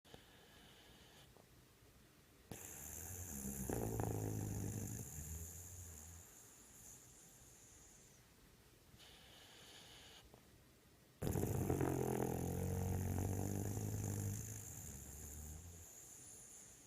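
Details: Two long, low, rattling snores on the breath in, with a steady high whine in the room; snoring.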